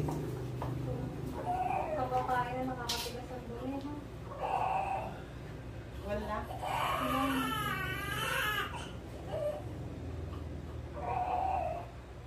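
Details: Newborn weighing 7.7 lbs, a second baby, just born by normal vaginal delivery: short rising wails between breaths with adult voices and room noise; a normal newborn cry after birth.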